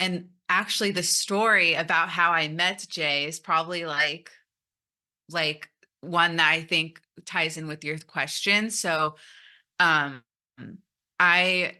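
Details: Stuttering in an adult woman who stutters, speaking at a stuttering conference.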